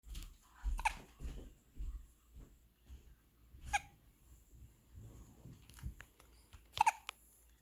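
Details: Four-day-old puppy with hiccups: soft, abrupt catches of breath at irregular intervals with a few sharper jerks, in a quiet room.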